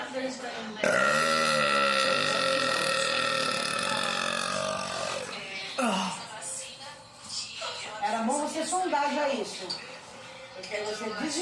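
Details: Belching after drinking Coca-Cola: one long, loud belch followed by several shorter belching sounds.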